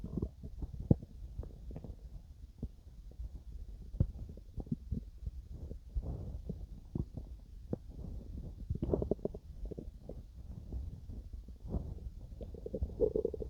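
Irregular low gurgles and rumbles with scattered pops over a quiet background: ordinary stomach growling during digestion.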